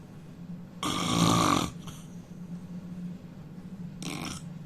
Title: Indian man snoring loudly